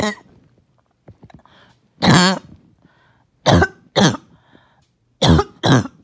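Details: First coughing fit of the day: several harsh coughs in pairs with throat clearing and quiet gaps, loose with mucus that would not come up as needed; productive cough.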